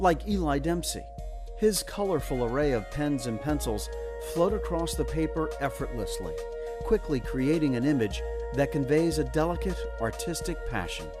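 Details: Adult male narrator; Normal fluent narration.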